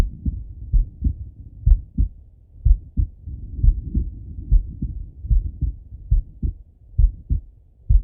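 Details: Male heartbeat by stethoscope while lying on his left side; steady paired lub-dub beats at about 65 a minute.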